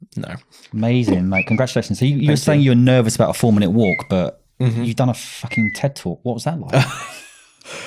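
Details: Adult male speaker; normal speech.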